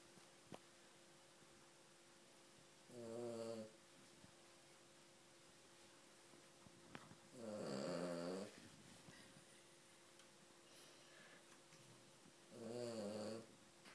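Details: Female King Charles Cavalier dog snoring; three snoring breaths, about 12 a minute, with a buzzing, tonal quality over a steady faint room hum.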